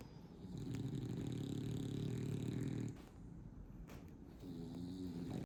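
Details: Dog snoring while a cat massages it: a low rattling snore lasting a few seconds, then a quieter breath and a softer second snore.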